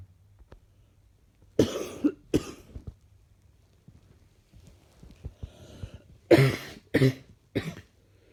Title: Few clips of what I woke up with this morning. Slightly chesty coughing